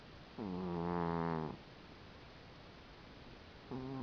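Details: A sleeping cat snoring: a long, buzzy, tonal snore on one breath, then quiet before the next snore starts.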